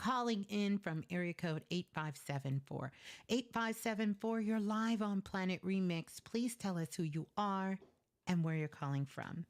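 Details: Adult woman speaking; Normal speech.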